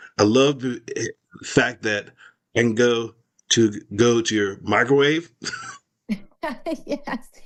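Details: Aphasia affecting expressive language after a stroke in an adult male survivor, recovering with speech therapy.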